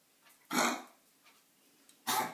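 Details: Dog coughing: two harsh, noisy bursts about a second and a half apart in a quiet room.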